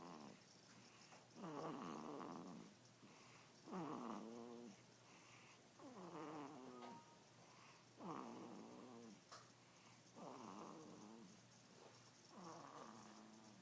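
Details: Soft rhythmic snoring from a sleeping child, about 27 breaths a minute, each inhalation a rattling, slightly voiced snore, in a quiet room.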